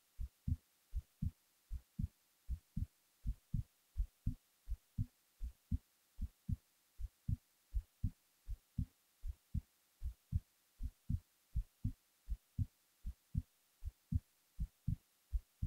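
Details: Steady, regular low thumping heartbeat at about 80 beats a minute; normal heart sounds recorded while the person was falling asleep.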